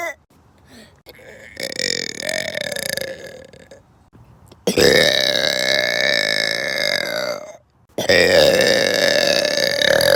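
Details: Voluntary burping on a trampoline: three long, loud, resonant burps, the last two very loud and drawn out for several seconds; burper then reports bad stomach pain.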